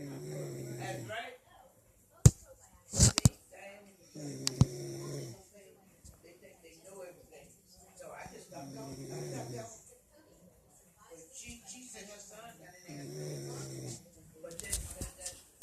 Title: My aunt snoring